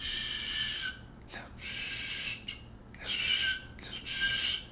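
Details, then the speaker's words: Cardiologist's vocal imitation of a holosystolic murmur of mitral or tricuspid regurgitation: even, flat 'shh' hissing lasting through the entire systolic phase. "whereas mitral riggers or tricuspid rigors mama shhh"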